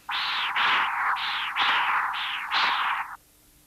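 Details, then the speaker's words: Continuous-wave Doppler, non-imaging transducer at the apical position angled across the tricuspid valve: pulsing whooshes with high-pitched diastolic signals; tricuspid regurgitation 1.8 m/s with tricuspid stenosis, early diastolic velocity 2 m/s. "In real time, you will hear both the tricuspid regurgitation and the high-pitched diastolic signals due to tricuspid stenosis."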